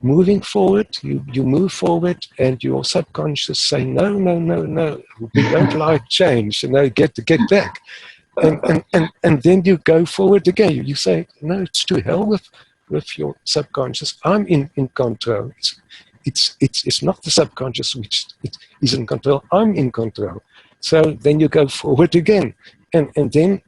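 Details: Adult man who has long stuttered, uses the passive airflow technique and a mind-body approach, and still has relapses, milder than 20 years ago; stuttering.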